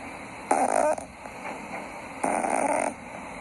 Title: Funny Cats Snoring